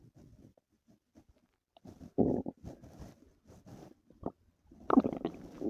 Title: my stomach hurt last night | stomach noises and growls